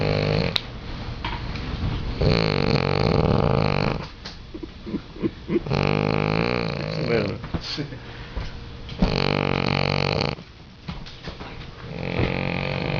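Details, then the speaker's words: Loud, long, rough snores with a grumbling, growl-like quality in a repeating pattern, growing louder, from a male sleeper heard by his bed partner; said to stop snoring if his thumb is moved. "They say if you move his thumb, he stops snoring. Oh, it's getting louder."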